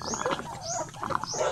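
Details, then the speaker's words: Chicken with a severe respiratory cold (sipon): loud, wet, gurgling rattle (rales) with each breath, alongside brief chirps. "Ah talagang Halak siya malakas yung Halak niya"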